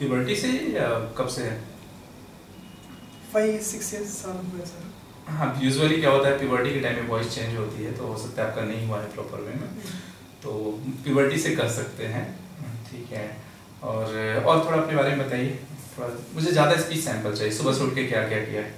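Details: Adult male speaker in a small room, with a brief reply from a second person; ordinary conversational speech.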